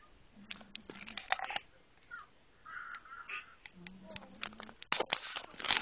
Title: snoring cat.3GP